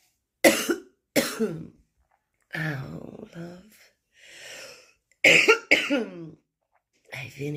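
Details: Morning smoker's cough in a woman with a smoker's voice, right after her first cigarette on waking, who says her lungs feel obstructed: several harsh, wet, forceful coughs with throat clearing and breaths between them.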